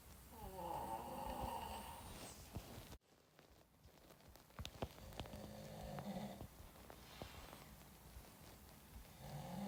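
Loud, harsh rattling snores on in-breaths, with quieter breathing and small noises between them: heavy snoring during sleep.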